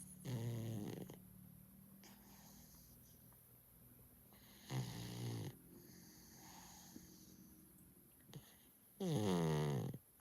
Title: #dog #snoring